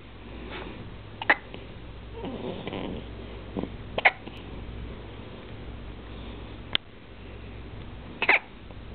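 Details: Young boy with hiccups, looking around wide-eyed: about five short, sharp, abrupt hiccup sounds a few seconds apart over steady background hum.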